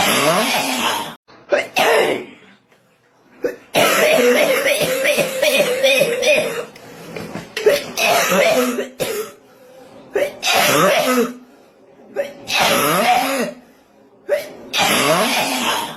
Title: BATUK KUBURAN